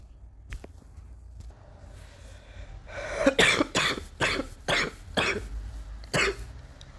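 A run of about six harsh coughs in close succession after a few quiet seconds, fitting a persistent cough.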